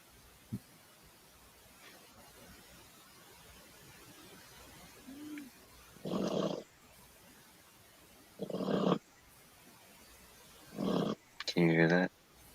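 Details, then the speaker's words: Dog snoring like a human, a dog stretched out asleep on the floor. "this dog snores like human"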